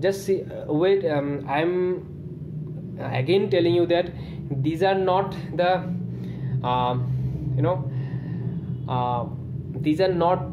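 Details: Adult man who has stammered since childhood, using talking on the exhale after diaphragmatic breathing as a management technique; stuttering.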